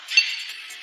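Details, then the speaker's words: Adult physician's own heartbeat on self-applied EKG cardiac monitor: short high-pitched beeps, one per beat, with heart rate changing as he speaks and does breathing for biofeedback, over faint room noise. "So you can in real time hear my heartbeat as I'm speaking and breathing. You can hear my heart rate changing."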